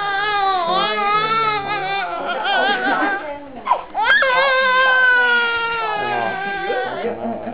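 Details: Newborn boy on his second day of life crying quite loud: sustained tonal wails with brief catch-breaths; vigorous normal newborn cry.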